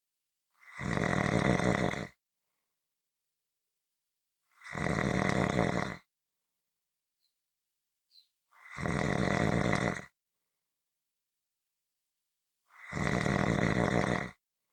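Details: Four loud, rough snores about every four seconds with silent pauses between, roughly 15 breaths a minute; snoring during sleep.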